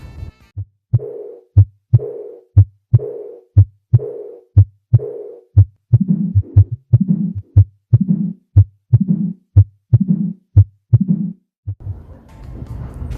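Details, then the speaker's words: Aortic regurgitation diastolic murmur, described as common in athletic horses: regular heartbeats near 60 a minute, each followed by a blowing, decrescendo (fading) diastolic murmur. "En equinos atletas es muy común la regurgitación aórtica."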